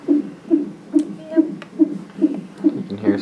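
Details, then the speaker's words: Fetal monitor during labour, after waters were broken, before a c-section birth of a son: loud, fast, steady whooshing thumps at about 140 beats a minute, normal fetal heart rate. "You can hear his heartbeat. It's pretty loud."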